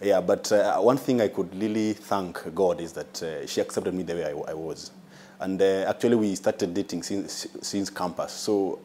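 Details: Adult man with stuttering (stammer), described by a consultant as a mild case, with delays on some words, worse when nervous; stuttering.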